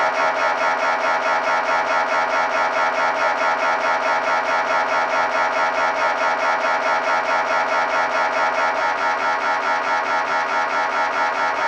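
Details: Sample MRI scanner sounds to prepare patients: loud, steady, rapid mechanical buzzing pulse, about 140 a minute, unchanging throughout; MRI scanner noise during imaging.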